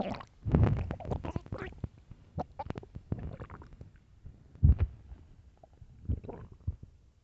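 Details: Hunger stomach growling (borborygmi): low, irregular gurgles and rumbles from the belly.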